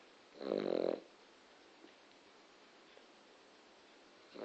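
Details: A dog, described as a loud snorer, snoring while asleep: one short, rough snorting snore, then quiet room noise.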